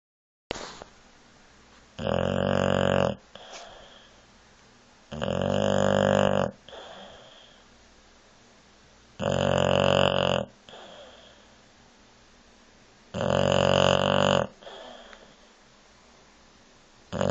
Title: Snoring